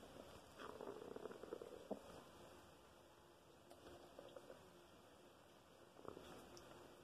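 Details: Soft gurgling, bubbling belly rumbles in short runs over a steady background hum; loud bowel sounds (borborygmi).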